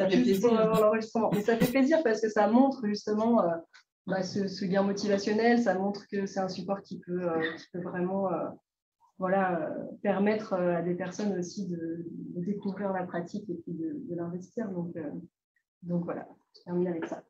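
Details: Ventricular fold phonation in a 68-year-old man with bilateral vocal fold immobility whose true fold vibration could not be restored; false-fold voice trained over five speech-therapy sessions using only a beatbox app, replacing an initially very breathy voice.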